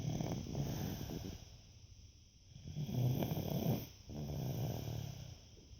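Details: Rattling, fluttering snores on each breath, about three seconds apart, in a small room during a Saturday afternoon nap; ordinary snoring.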